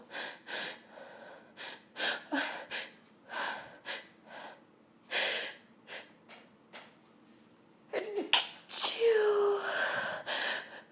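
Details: A woman's rapid run of short, explosive pepper-induced sneezes with gasping breaths between and a louder final sneeze. She tries to hold them back against an intense nasal tickle and burning.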